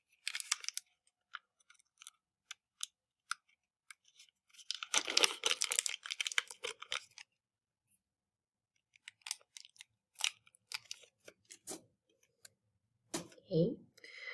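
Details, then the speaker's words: Crinkling, tearing and small plastic clicks of packaging being opened as a syringe and needle are prepared while the scrubbed vial dries, in a practice demonstration of diluting Ativan with 0.9% normal saline. "hey getting our syringe and our needle prepped while that dries"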